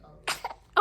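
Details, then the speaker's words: Tiny sharp sneeze with a small catch and brief squeak from a one-week-old premature baby girl who is also hiccuping; newborn sneeze. "bless you she's like what the hell was that the hiccups and sneezing at the same time really"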